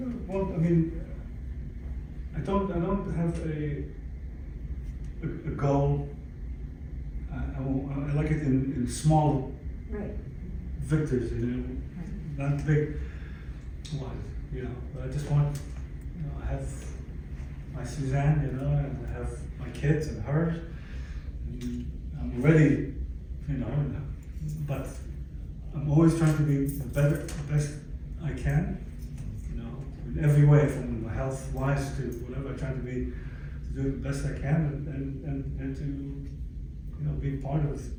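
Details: Adult stroke survivor with aphasia about 11 years after the stroke; aphasia.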